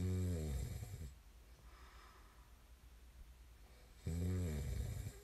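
A deep, fluttering snore on the breath in after a few seconds of quiet breathing, with faint room noise; snoring during sleep.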